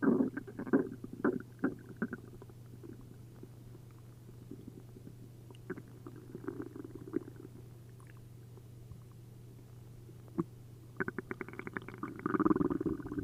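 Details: After drinking a liter of milk and a liter of prune juice, an upset stomach gives frequent gurgles and bubbling pops over a low hum, ending in a louder run of gurgling: hyperactive, liquid bowel sounds (borborygmi).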